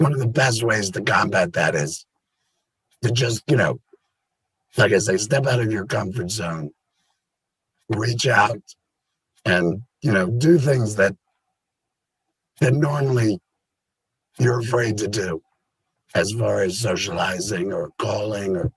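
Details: Adult with a total laryngectomy related to cancer who now helps other laryngectomees; voice method not stated; alaryngeal speech (laryngectomee).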